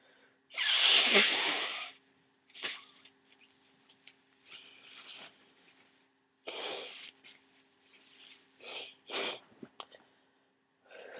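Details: Person near the end of a cold with thick nasal congestion: long forceful nose blow, then short sniffs and several small sneeze-like bursts over a steady background hum; nose blowing and sneezing.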